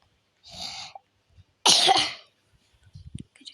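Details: Person with fever, cough and runny nose (cold): two short, breathy cough bursts, the second louder and harsher, followed by faint clicks and quiet.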